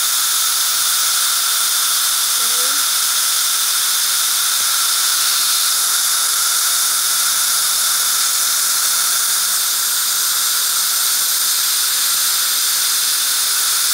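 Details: Steady loud hissing with a high whine throughout from a Solea dental laser system running during a dental procedure.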